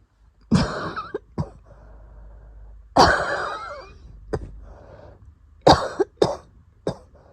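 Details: A Japanese woman has an asthma attack after going outside in the early morning, her first in a long time. She gives repeated harsh coughs, some in quick pairs, with noisy, strained wheezing breaths between them.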